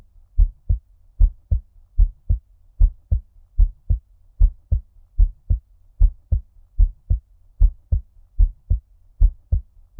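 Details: ASMR heartbeat recording with ear-cupping, underwater-like muffling: steady paired lub-dub beats at about 76 per minute, a normal heart rate.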